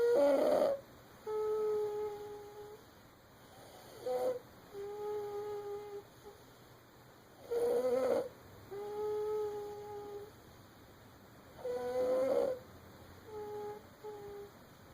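Sleeping infant snores, with a rough snort on each inhale and a soft whistling hum breathing out.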